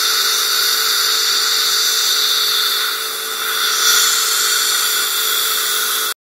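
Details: Dental laser running during a crown lengthening procedure: a steady, loud, high-pitched hiss and whine throughout, then abrupt silence.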